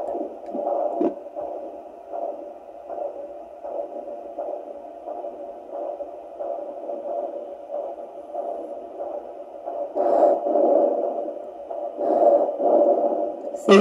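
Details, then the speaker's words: Rhythmic whooshing pulses on a fetal Doppler, reading about 92–99 beats per minute; the adult woman's own slow heartbeat, not a fetal heartbeat, which the device expects at a higher rate. "this is obviously my heartbeat because it is slow do you see it says 97 92 9 99"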